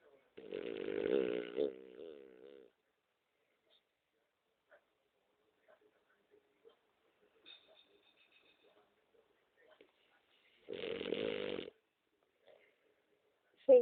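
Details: Sleeping female dog snoring in bed at dawn: two nasal, buzzing snores about nine seconds apart, with faint rustles between them.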